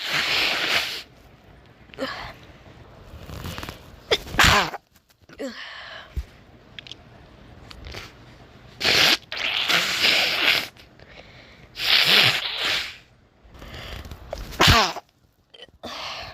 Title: Hiccups + Sneezes + Nose Blowing